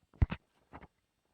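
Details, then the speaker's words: Elderly cat in palliative care, on maximal pain relief and awaiting euthanasia; two paired bursts of short, low clicking and grinding as he chews, described as broken bones grating whenever he eats: jaw crepitus. "sounds of crepitus you know what traffic this is c-r-e-p-i-t-u-s It's the sound of broken bones grating against each other and that's what happens every time he eats"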